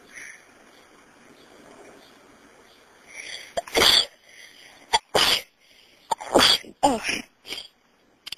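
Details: Self-induced sneezes, possibly with a starting cold, recorded on a phone: about four sharp explosive sneezes in quick succession, some preceded by a short intake of breath, in a quiet room.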